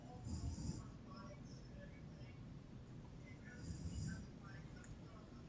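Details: Mother (adult woman) snoring: two low, rumbling snores about three seconds apart, with faint background sounds; snoring.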